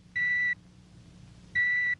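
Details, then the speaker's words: Dramatized TV audiometry of an adult male orchestra viola player with worsening hearing, wearing earphones: sample audiometer test tones, two steady high-pitched pure tones of about a third of a second separated by a second of quiet. "first a set of earphones is adjusted to the patient's ears and he is asked to listen carefully a sample tone is given him like this"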